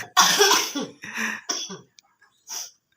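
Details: Three harsh coughing bursts in quick succession, then a softer short cough after a pause, during a traditional therapeutic massage, including on the feet; plain cough.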